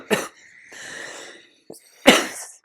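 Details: A ventilator user with a tracheostomy since 2017 gives two short sharp coughs with a harsh throat clearing between them in a quiet room, while describing a heated-humidifier temperature probe disconnecting; an ordinary cough and throat clear.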